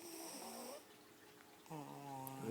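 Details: Someone snoring: a rough, droning snore with a buzzing, throaty tone on the breath, a short quiet gap, then another snore.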